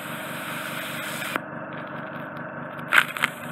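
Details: Endoscopic ear wax removal for an adult male with fully occluding wax in the right ear and semi-occluding wax in the left: loud, steady hissing suction with brief slurping bursts as wax and dead skin are extracted.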